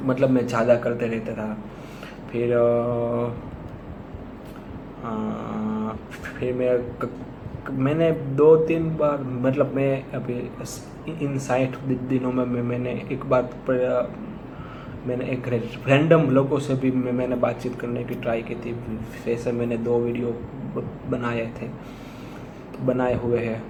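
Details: Man who stammers, early sample before 60 days of practice exercises; his face shook while speaking, and vowel-initial words are hardest for him; stuttering.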